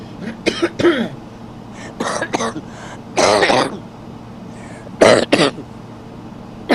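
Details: Adult man coughing: about seven harsh coughs in short clusters over a steady low background hum; repeated coughing.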